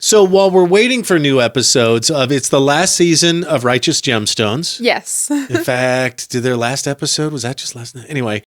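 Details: Adult podcast host; normal speech.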